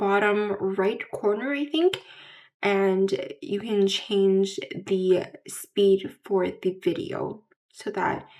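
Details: Adult woman with residual Broca aphasia after a stroke at age 12, with repeated words and phrases, word-finding difficulty, incorrect grammar, pauses and slurring; Broca's aphasia.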